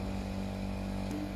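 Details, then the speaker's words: Operating-theatre suction machine switched on and demonstrated with a suction pipe drawing water into the suction bottle: a steady low motor drone with a constant hum from the running vacuum pump. "तो अब मैं machine को on करता हूं की यह कैसे कम करेगी"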